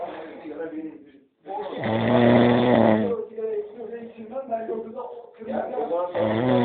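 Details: Snoring after two large drinks: loud, rough, rattling snores with a deep, low buzz on each breath, separated by brief pauses; heavy snoring.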